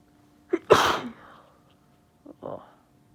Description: My family got me sick with the flu and my nose was really bothering me, so I decided to induce a bit.